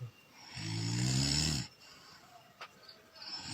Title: Top 5 Ngorok Lucu🤣 #viral #ngakak #seharianlucu #funny #memengakakkocak #viralvideo #tidur #ngorok